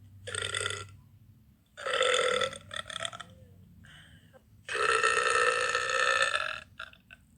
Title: Beautiful Girl Burping 1